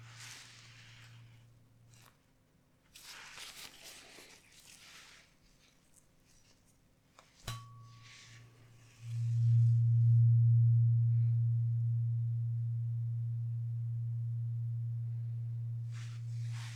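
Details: Simulated ASMR full-body checkup by a male nurse role-play: steady low pure tones after quiet rustling, played ear to ear in a hearing check with eyes closed; acted audiometry test, not a real test.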